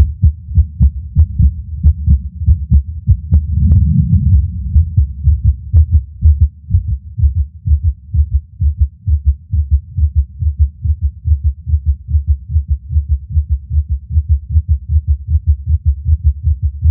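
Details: Irregular skipping heartbeat in a person who reports passing out near the end of the recording: low thumps with uneven spacing and occasional pauses where a beat seems to drop.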